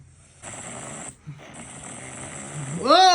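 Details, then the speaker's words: Simulated snoring acted out in a comedy skit: loud, hissing open-mouthed breaths ending in a voiced snort, as a roommate complains of two hours of snoring. "भाई यार बस कर यार hippo जैसा मुंह खोल के खर्राटे मार रहा है तू यार।"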